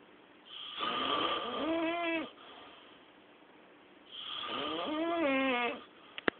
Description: This snoring problem keeps the whole house awake!